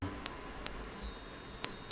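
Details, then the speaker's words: A steady, very high-pitched pure tone from an online hearing test of age-related loss of the extreme ends of the hearing spectrum, played during a reaction video; high-pitched hearing test tone. "as we grow older we often lose the extreme ends of our hearing spectrum so how many of the following sounds can you hear how old are your ears"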